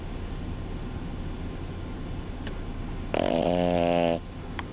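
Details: A pug sleeping and snoring after a day out with the dog walker. Finding: snoring.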